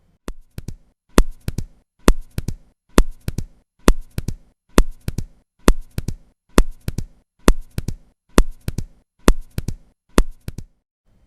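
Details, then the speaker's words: Simulated quail rhythm of mitral or tricuspid stenosis: loud first sound, second sound, then early opening snap, about 67 a minute. "а теперь рейтинг перепела который будет слышен у человека при митральном стенозе или трикуспидальном снузе там идентичное звучание"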